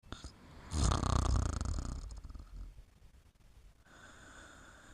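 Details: Sleeping and snoring: one low, rough, fluttering snore on a breath, then quiet breathing with faint room noise.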